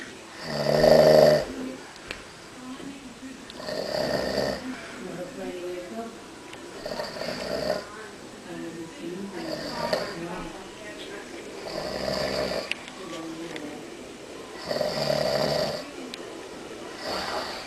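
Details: Adult man snoring in sleep: loud, rattling snores about every three seconds, with quieter breathing between them; typical heavy snoring.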